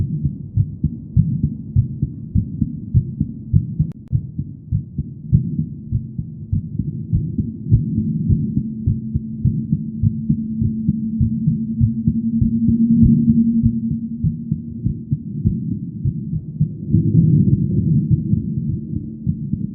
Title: female heartbeat sound